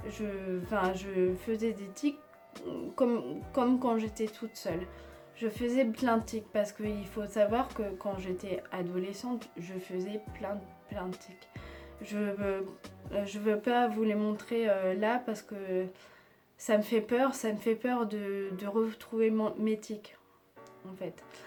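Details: Aphasia after stroke in an adult woman with Tourette syndrome (onset age 3, diagnosed at 11) treated surgically, devices removed January 2020; aphasia worsened after a second operation and her speech varies day to day.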